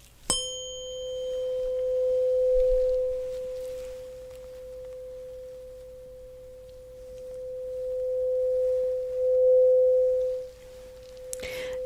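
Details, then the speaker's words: Simulated ASMR role-play cranial nerve exam, hearing test with a second tuning fork of different frequency, held by each ear: a steady, pure mid-pitched tone rings about ten seconds, swelling and fading gently. "okay so that seems to be intact but i would like to try another tuning fork which makes a different kind of frequency sound so let's go ahead and see how that goes"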